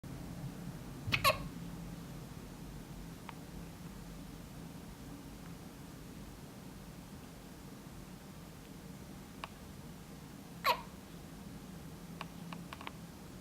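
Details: Two sharp, brief hiccup sounds, spaced several seconds apart in a quiet room.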